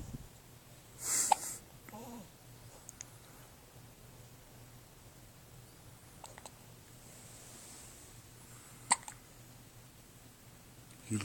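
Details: A baby's hiccups: a few brief, sharp catching sounds several seconds apart in a quiet room. The carer wonders whether the baby ate too much.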